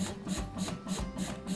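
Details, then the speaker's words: Child with multiple disabilities, hospitalized and preparing for surgery, doing airway clearance with a Comfort Cough II percussive ventilation device on the slower percussion setting. Rhythmic thrumming pulses about twice a second with a low hum while the child breathes deeply: intrapulmonary percussive ventilation. "C'est toi qui respire et puis la machine, elle t'envoie un petit peu plus d'air en même temps."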